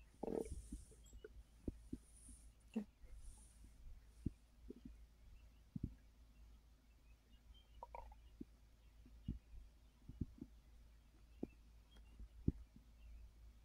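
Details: Soft scattered gurgles and brief pops over a steady low hum from a full stomach while resting after overeating (snacking after a gummy); bowel sounds.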